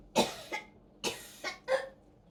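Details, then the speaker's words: Adult woman with 22q deletion during a vocalized tonic-clonic seizure with dystonia and thoracic and diaphragm spasms, SpO2 96%, heart rate 69: five sharp, wet-edged coughs in quick pairs; spasmodic coughing during a seizure. "Good girl. You're doing really well. Still getting thoracic spasms."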